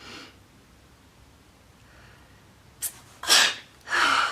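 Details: Woman who says she is allergic to cats sneezing: a faint intake of breath, then a short sharp burst followed by two loud sneezes in quick succession; ordinary sneezing.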